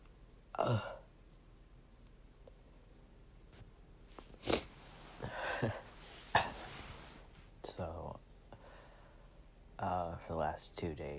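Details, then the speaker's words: Several forceful sneezes with sharp inhaled build-ups and breathy sounds between, set off over two days by dust while cleaning a room; sneezer says not allergic and nose not sensitive; chesty-sounding sneezes. "something about the dust that i've been cleaning uh has really just been setting me off and so for the last two days basically i have just been sneezing all over my room"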